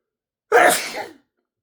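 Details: First on-camera sneeze, induced by nasal tickling with a bobby pin and twist tie after snuff gave little effect; one loud, forceful sneeze with a sudden burst and quick fade.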